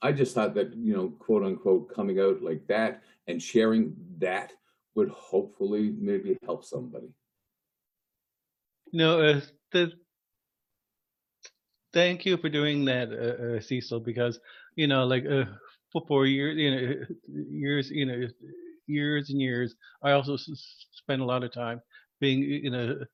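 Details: Lifelong stuttering in an adult male news reporter who has long hidden his stutter using tools and strategies, with associated panic and anxiety in stressful speaking moments.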